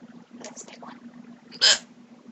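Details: Person speaking, then one abrupt loud gulping hiccup burst; a single hiccup during a bout of hiccups.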